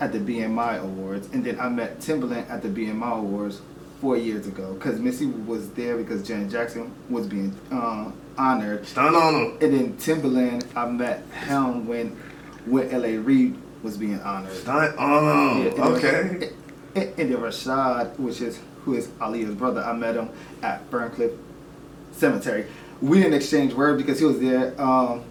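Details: Adult male with self-reported stuttering, at first reluctant to show it on camera, later accepting it; stuttering.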